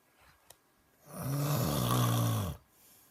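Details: Snoring during sleep, keeping a listener awake: one long, loud, low rattling breath in a quiet room; a typical snore.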